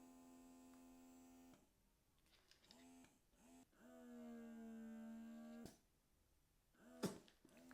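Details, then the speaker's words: A Baby Buddha handheld breast pump motor just switched on, which starts running automatically: a quiet steady hum with rising and falling pump cycles and a click, low suction. "It's got a charging here in the bottom, and when you turn it on, it starts automatically going."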